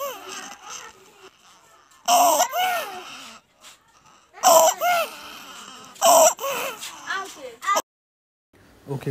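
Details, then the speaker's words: Infant crying and fussing with harsh, noisy, low-pitched inspiratory breath sounds that worsen with crying or feeding; stridor. "this is nothing but known as strider okay what is strider strider it is an abnormal can you make out it is a abnormal inspiratory low pitch sound which exacerbates by crying or feeding"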